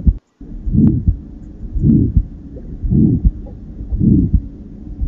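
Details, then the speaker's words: Patient with aortic stenosis; slow regular heartbeat near 55 a minute with a harsh, swelling murmur between beats; ejection systolic murmur of aortic stenosis. "listen again to a patient with aortic stenosis murmur"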